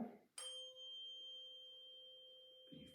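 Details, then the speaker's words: Tuning fork struck and placed at the patient's right side for a Rinne air-conduction hearing test during an eye and ear assessment: a clear, steady ringing tone that slowly fades. "okay so I'm going to start right side and then we'll switch to the other so I'm actually going to hit this and then I'm going to put this on your"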